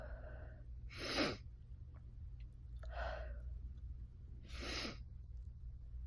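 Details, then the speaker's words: Two sharp, explosive sneezes separated by a quick breathy intake, over a low steady room hum, after a long-held urge to sneeze. Ordinary sneezing. "Finally. I've needed to sneeze for so long."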